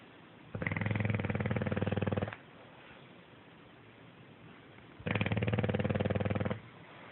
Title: Gustave snoring, as always